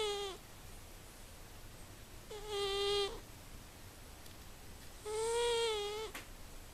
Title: Very funny cat snoring